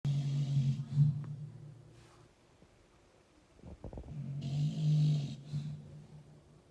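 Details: Sleeping dog giving two loud, low, rumbling snores a few seconds apart, with quieter breathing between; snoring.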